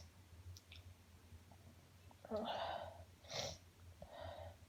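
Three sneezes in quick succession over faint room noise. A sneezing fit.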